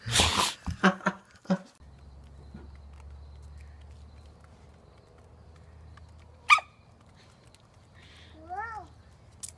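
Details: Dog sneezing: a quick run of short, sharp nasal bursts, then quiet and a later single snort.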